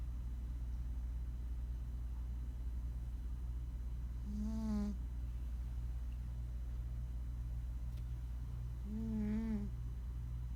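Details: Two soft, buzzy snores about four seconds apart over steady room hum from Duke, a sleeping cat; cat snoring.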